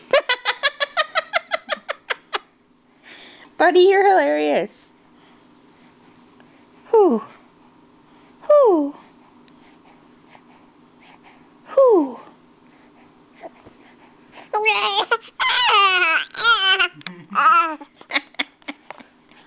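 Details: Infant boy fussing during tummy time, unhappy after a few minutes as his arms tire and he drops; short, falling whimpers build into a higher, strained fussing cry.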